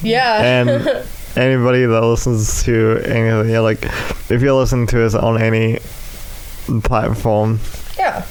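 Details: Speech impairment (dysarthria) in an adult male with cerebral palsy affecting his right side, especially his right arm and leg, which he says also causes his speech impediment.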